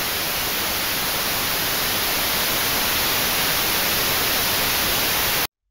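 Steady, bright hiss weighted toward high pitches with a faint thin whistle, cutting off abruptly: a high-tone tinnitus masking noise from a hearing aid.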